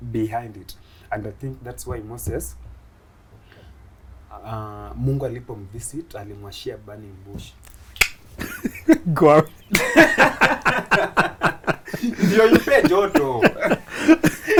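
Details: Adult Kenyan man, a comedian who began stammering in school; he stammers especially on plosive sounds and shakes his head when he stammers; stuttering.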